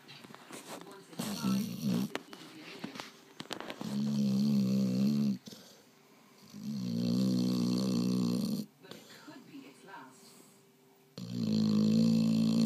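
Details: Dog snoring while fast asleep: loud, deep rattling snores in long drawn breaths with quieter gaps between.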